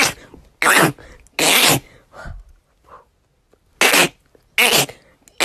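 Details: Sneezing in a person whose sneezes normally come in runs, about six in a row on average: four loud, sharp sneezes in quick succession, with faint breathy sounds between them.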